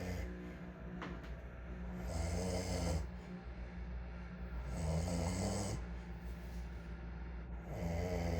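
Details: A person snores with three loud, rumbling snores repeating at a steady rhythm, about one every three seconds.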